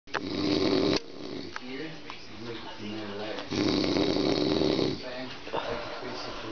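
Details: Older man, a father, heavy snoring: loud, harsh, rattling snores on each breath with quieter stretches between.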